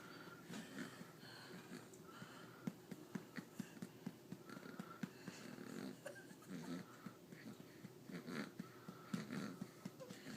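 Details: Infant falling asleep while being burped: soft, rattling snoring with repeated snorts and faint whistling on each breath in a quiet room.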